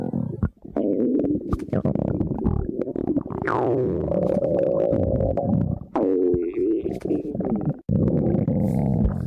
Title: Girlfriend's Stomach Growling